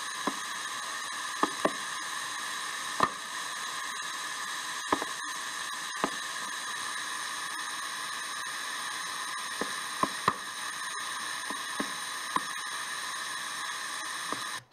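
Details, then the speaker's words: Needle EMG fasciculation potentials: a steady hiss broken by about a dozen sharp pops of varying size and shape. They fire spontaneously, not rhythmically, coming suddenly and unexpectedly and then going quiet, like motor units that are not firing as motor units do. "Here's the fasciculation. Hear that? They look like motor units, okay, but they're not firing like motor units. They're not rhythmic, and they come unexpectedly, suddenly, and then become quiet."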